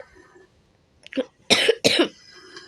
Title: maaf awak batuk:)